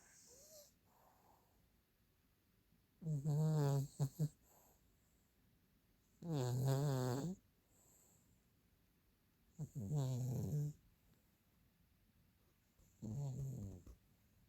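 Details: Arthur snoring while sleeping in the laundry: loud, rumbling snores about once every three to four seconds in a quiet room.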